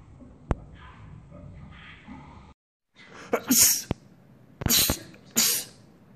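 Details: Sneezing fit: a few soft sounds, then three loud, explosive sneezes in quick succession, each with a sharp in-breath.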